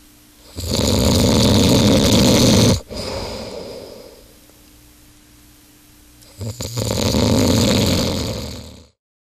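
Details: Adult man asleep in a hotel room, 2005, extremely loud snoring: two very loud, long, harsh rattling snores separated by a quiet pause.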